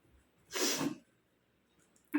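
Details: Woman's deliberately induced sneeze (sneezing challenge), brought on by tickling inside the nostril with a twisted handkerchief corner, tissue paper or dried plant stem: one strong sneeze in a quiet room.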